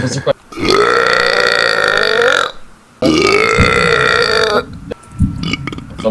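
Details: Two long, loud, deliberate belches with a drawn-out croaking tone from gamers in a burp compilation, followed by brief background noise; burping.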